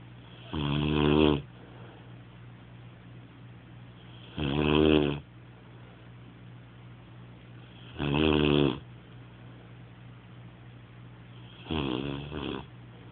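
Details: Rocko snoring, recorded on an Android phone: four loud rasping snores at a regular pace, about 16 a minute, with quiet pauses between and a steady low hum; snoring.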